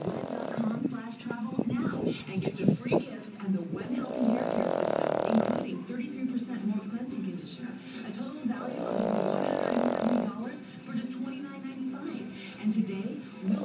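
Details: Sleeping deeply after a long day of swimming in pools and playing: two long, rumbling snoring breaths about six seconds apart, with fluttery noise between and some room noise; snoring.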